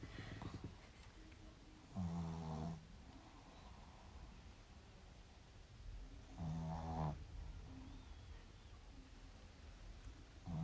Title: Pug Sleeping and Snoring Like a Human